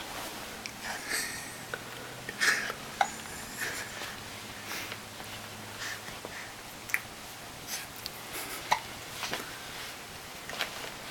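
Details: Infant in a quiet room gives several soft, short, sharp catches of breath at irregular intervals; hiccups.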